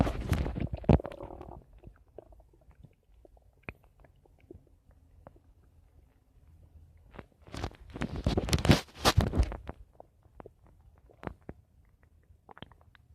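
Irregular gurgling and rumbling bursts with quiet gaps between, typical of ordinary stomach rumbling from gas and fluid moving through the gut.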